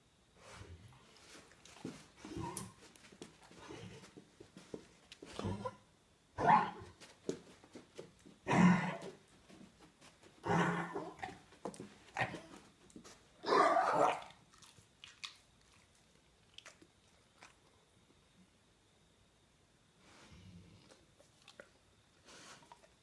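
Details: Dog (Jake) coughing: several harsh, forceful cough bursts separated by quiet breathing and small room sounds.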